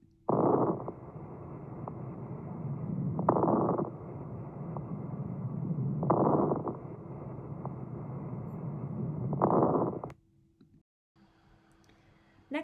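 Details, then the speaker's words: Breath sounds at about 20 a minute with brief, scattered popping, more common on inhalation: crackles, which may indicate atelectasis (small airway collapse) or fluid in the lungs. "you can also hear crackles when there's fluid in the lungs because as you inhale the secretions kind of move between the alveoli and it makes that sound so because of that crackles are more common on inhalation"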